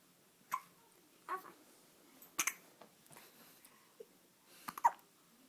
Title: Baby hiccups